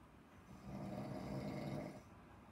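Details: A single deep, rumbling snore on the in-breath, rising and fading over about a second and a half. Ordinary snoring.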